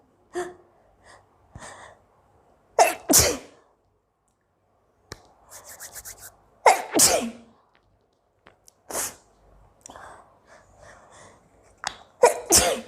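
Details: Indian girl with long-lasting hiccups: about four loud, sharp sneezes mixed with short catching breaths and small hiccup-like vocal hitches; sneezing.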